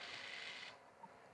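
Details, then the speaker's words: Laparoscopic suction-irrigation cannula, control moved from neutral to suction: a brief hissing rush of air that then cuts off, the suction sound. "और इसके बाद मैं इसको section करता हूँ, ये इस तरह से, हमें इस तरह से, ये आपको आवाज भी सुनाई दे रही होगी, इस तरह से इसकी सेक्शन करती है।"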